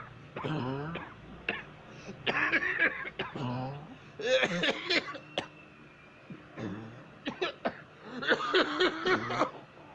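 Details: A woman and a man cough badly in harsh, repeated bouts, mixed with voiced groans and throat noises.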